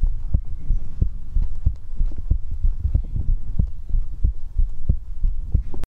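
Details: Steady, soft low thumps in lub-dub pairs at about 90 beats a minute over a faint hum; a regular, normal heartbeat in an ASMR recording.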